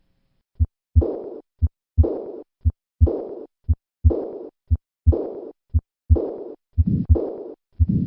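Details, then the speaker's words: Significant aortic regurgitation: regular heartbeat near 58 a minute with a high-pitched blowing diastolic decrescendo murmur at the left sternal border; an early-peaking systolic flow murmur is added later. "Compare this systolic flow murmur in a patient with significant aortic regurgitation to the late peaking systolic murmur of aortic stenosis. I will begin first with the regurgitant murmur and then add the systolic flow murmur."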